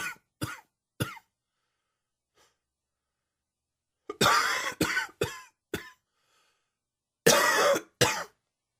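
Three short dry coughs, a pause, then a harsher burst of four coughs and a final pair; an allergy-triggered coughing fit.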